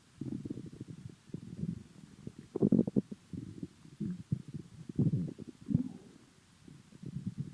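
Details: Stomach noises, owner unsure whether full or hungry: soft, low gurgling and rumbling in irregular bursts with quiet gaps, from gas and fluid moving through the gut; bowel sounds (borborygmi).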